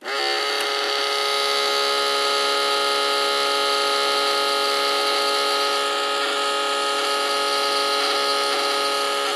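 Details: Blood pressure machine sound effect: a steady loud electric pump whine throughout as an automatic blood pressure cuff inflates.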